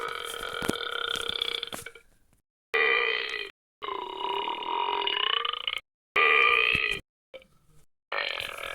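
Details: Stock sound-effect recordings of burping: a run of loud, drawn-out burps separated by clean silent gaps; belching.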